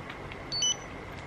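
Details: Arkray Glucocard S blood glucose meter switching on with a short high electronic beep over quiet room noise as a test strip is inserted; power-on beep.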